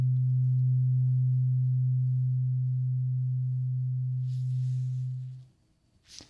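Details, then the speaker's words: Role-play ASMR ear exam hearing check: a struck tuning fork gives a steady low pure hum fading over about five seconds while the listener is asked to say when it stops. "So this is a tuning fork. It's going to make this sound. Okay, I want you to tell me when the sound stops."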